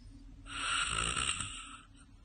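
A single snore: a harsh, rattling breath lasting about a second and a half, in a quiet room.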